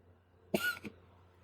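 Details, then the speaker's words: Single short, harsh cough-like burst from a very fluffy cat; owner unsure whether he was dry heaving, notes he sometimes dry heaves from hairballs; cat cough or retch. "I don't know if you guys could hear that. I don't know if he was dry heaving or what that was."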